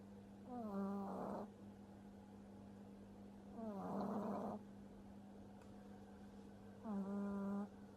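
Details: French bulldog puppy sleeping: three drawn-out snores with a whistling, squeaky start and rattling end, about every three seconds, over a steady hum; heavy snoring.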